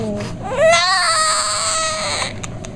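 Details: A single sustained, strong, high-pitched cry lasting about two seconds from a newborn girl just after birth in hospital.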